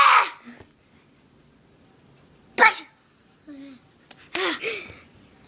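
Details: A person who can't stop sneezing: three sharp, explosive sneezes in quick succession, with brief vocal sounds between them, in a quiet room.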